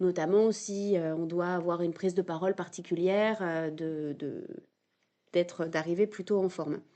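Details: 22-year-old man speaking French, stuttering since early childhood, which was marked by a slight speech delay; stuttering.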